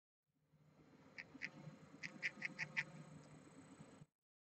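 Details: Sleeping pudding hamster grinding its teeth and frowning: short bursts of fine, rapid clicking and rasping over quiet breathing; a harmless habit.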